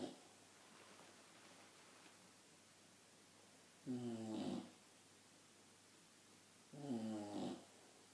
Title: Pixie The Boxer Dog - 7 months old - Snoring like a granny!